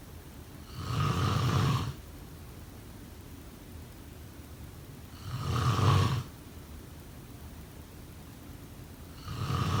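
Low, rattling snores about every four seconds, roughly 15 a minute, over steady background hiss: regular snoring during sleep.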